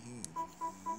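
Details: Ethicon GEN11 generator: a click then three short, evenly spaced electronic beeps, the activation tone signalling the device is energised.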